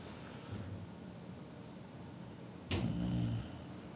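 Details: Snoring in a sleeping pet after eating cannabis brownies: a faint low snore, then a louder, buzzing, low-pitched snore with quiet room noise between.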